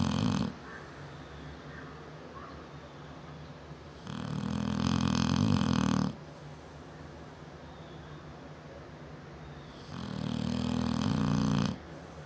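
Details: 7-year-old female Neapolitan Mastiff asleep, snoring loud enough to hear throughout the house: deep rumbling snores about two seconds long, roughly every six seconds, about 10 breaths a minute; snoring.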